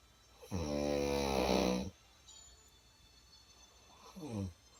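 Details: Adult woman heavily snoring: two loud low rattling snores with steady vibrating tone, first long, second brief, quiet breathing between.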